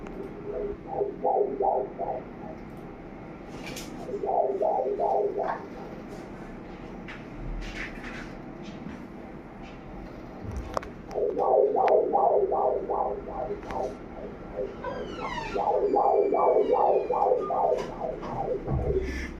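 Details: Fetal heartbeat at 7 months of pregnancy: rapid, regular pulsing beats in short bursts, about 150–170 per minute, with faint birdsong in the background.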